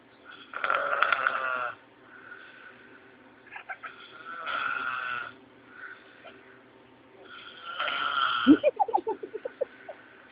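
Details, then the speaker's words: Ordinary snoring during sleep in an adult man, loud, harsh rattling snores on inhalation with quiet pauses between breaths and a brief voice at the end; snoring. "hey you mister you're snoring"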